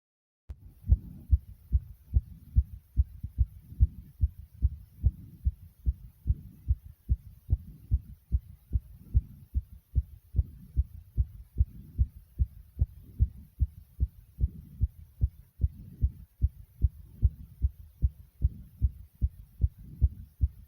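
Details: Rapid, regular heartbeat of roughly 130 beats a minute after almost 60 jumping jacks: a normal sinus tachycardia after exercise.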